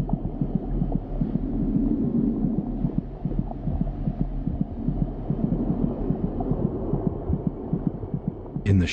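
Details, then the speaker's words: Fetal heartbeat, about twice the mother's rate: rapid, regular, muffled thumps at about 150 a minute over a low whooshing hum; racing fetal heartbeat. "the baby's heart beats about twice as fast as her mother's monitoring her heartbeat gives a good indication of her General condition"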